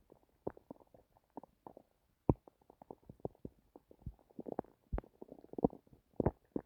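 Frequent soft gurgles, pops and rumbles from the stomach, coming in irregular clusters; ordinary bowel sounds.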